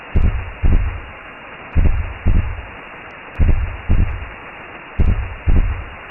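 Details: Simulated womb sound made as a sleep aid for babies: deep whooshing heartbeat in pairs, about 37 a minute, over a steady low rumble, recreating the mother's heartbeat in the womb.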